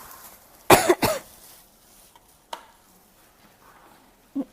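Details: Cough during a bout of flu: two loud, harsh cough bursts in quick succession, then a softer third cough and a small throat noise.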